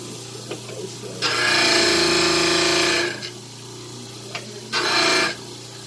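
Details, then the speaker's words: Dental lab model trimmer: two bursts of harsh, loud grinding over motor hum as a stone dental cast is rocked back and forth against the spinning wheel to trim its side. "I'm rocking back and forth because it's easier than just trying to take off so much in one shot. So if I go back and forth, it works good."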